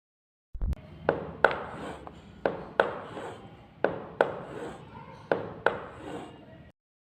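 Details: Simulated demonstration by students: paired sharp clicks, each followed by a fading rough rumble, imitating a mitral stenosis murmur.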